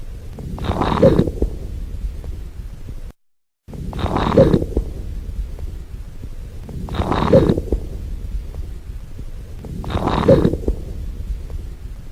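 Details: Crackles: breath sounds at about 20 breaths a minute with brief popping crackles through each breath.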